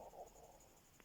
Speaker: can hear my stomach rumbling then, I'm sorry. Not sure if my camera will have picked that up.